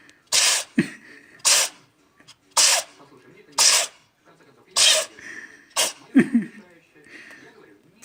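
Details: Cat sneezing "like a human": six sharp, hissing sneezes about one a second, with quiet room sounds between; repeated sneezing.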